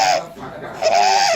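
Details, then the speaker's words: Inspiratory stridor in a child: harsh, high-pitched crowing noise with breathing, from upper airway obstruction in the pharynx or just above the glottis. "Okay, so this is something called as a stridor, and this child had an inspiratory stridor. So if your obstruction is in the pharynx or just above the glottis, you will get an inspiratory stridor."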